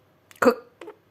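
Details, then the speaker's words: Adult woman, a little ill with a cough, gives a single harsh, barking cough with a short lead-in and fainter tail; cough. "Всем привет друзья что-то я тут у вас приболела маленечко кашляю как"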